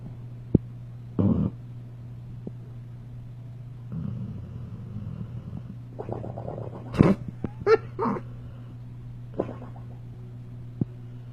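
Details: Six-year-old rescue dog napping peacefully, snoring: soft, rumbling snores with faint lip-flapping puffs over a steady low room hum.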